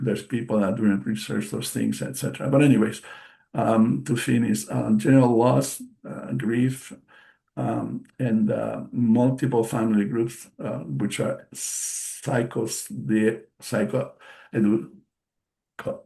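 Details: Post-stroke aphasia in a male stroke survivor, a non-native English speaker presenting in English; audible word repetitions and self-corrections; aphasia.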